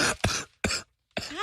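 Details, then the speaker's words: Adult man suspecting bronchitis or kennel-like cough: about four harsh, noisy cough bursts in quick succession, crackly and rattling from the chest, likened to a death rattle. "it's like a death rattle listen oh oh that's crackly that is crackly it's the nuttiest thing God that is coming out of your mouth it's coming from my lungs"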